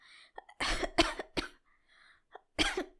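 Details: Simulated cough, acted in a fictional hanahaki drama about a friend's worsening illness: a fit of harsh, repeated coughs in bursts with short gasps between.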